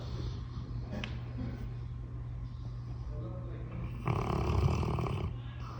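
Steady low rumbling snore from a sleeping dog, with a louder noisy breath near the end; ordinary snoring.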